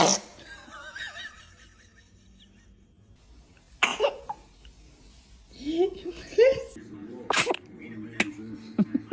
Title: Baby sneezes #baby #fypシ #foryou #cute #interesting #cutebaby